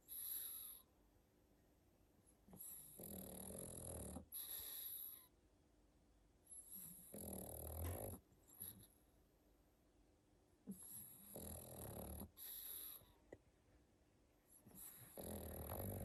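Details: Pug sleeping in a winter sweater: snorting, whistling inbreaths alternating with rumbling outbreaths in irregular cycles of a few seconds; dog snoring.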